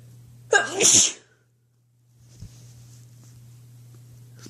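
A single sharp, loud sneeze burst with a brief intake before it, then quiet room noise.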